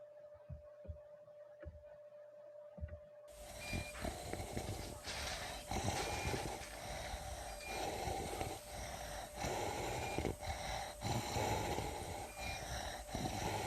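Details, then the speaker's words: Teaching example of rhonchi ("ronquido") from a respiratory semiology lecture on noisy breathing heard without a stethoscope: coarse, low-pitched, snore-like rattling breath noise from airway secretions. "Ahora, a modo de ejemplo, vamos a tener en primera instancia lo que es el ronquido."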